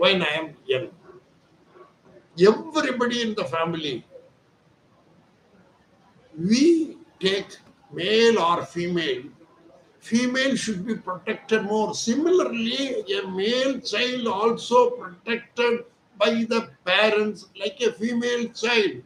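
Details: Adult man, Hindi speaker, voice thin since childhood; surgery advised elsewhere, instead receiving voice therapy exercises, 4 days into treatment and reporting improvement: puberphonia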